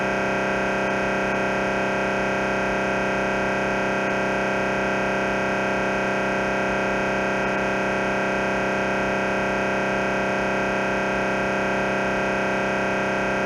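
Loud, steady electronic buzzing drone with fast, regular pulsing, the noise of an MRI scanner running a T1 axial sequence.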